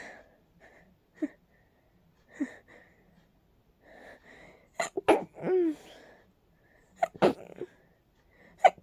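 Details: Soft catching breaths build into a run of rapid repeated sneezes, from allergies acting up, which sometimes cause rapid sneezes; sneezing fit.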